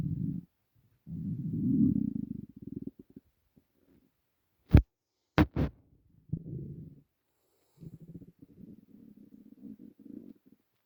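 Low rumbling growls and gurgles with a few sharp squeaks from an empty stomach; ordinary hunger rumbling.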